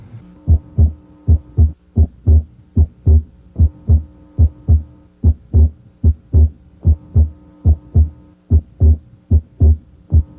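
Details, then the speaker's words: Stethoscope diaphragm at the left second intercostal space during deep breathing: regular heartbeat near 74 a minute, S2 splitting abnormally wide, coming and going with respiration. "try to hear splitting of S2 here it is abnormally wide it comes and goes with [Music] respiration"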